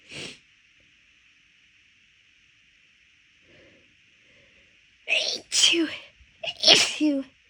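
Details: Rapid, big sneezes: one sneeze, a quiet pause with faint breaths, then a quick run of three loud voiced sneezes, induced more easily while the nose already felt off midway through a walk.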